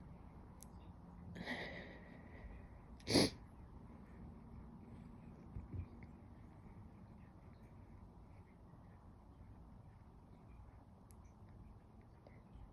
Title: Nearly Silent Stifled Sneezes